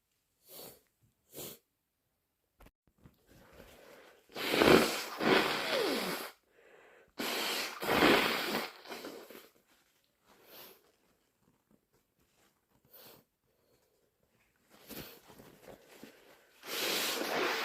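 Wet sniffs and nose blowing with a few forceful, messy sneezes; sneezing with a congested nose during a head cold.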